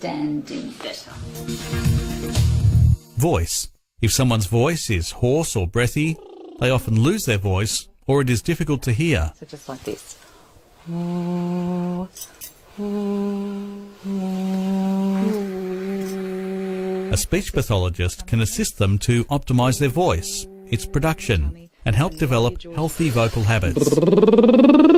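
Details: Adult narrator; normal speech.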